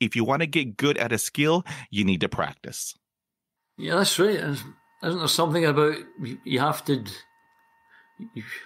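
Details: Stuttering in an adult man who still stutters.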